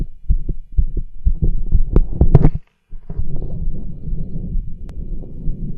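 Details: Fast heart sounds with rough extra noise between beats and stethoscope handling noise: murmurs and a rub, clearest over the pulmonic area, recorded with a cardiology stethoscope over tricuspid, aortic and pulmonic areas while subject does pushes to intensify heartbeat.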